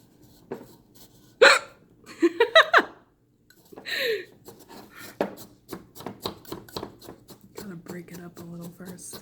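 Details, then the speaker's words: Person with hiccups who is about to try a spoonful of sugar as a cure: sharp, abrupt hiccups with short voiced catches, mixed with brief talk and room noise. "hello I have the hiccups and I'm gonna I'm gonna show you how a spoonful of sugar cures them it's really true okay"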